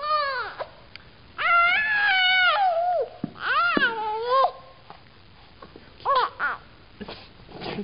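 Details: An 8-month-old girl during tummy time gives repeated fussy, wavering cries with short pauses, protesting the position; infant crying.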